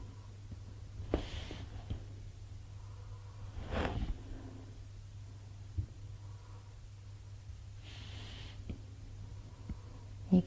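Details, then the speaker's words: A dog snoring in the background of a drawing studio: a few soft, irregular snorting breaths over a steady low room hum. "probably hear my dog snoring in the background"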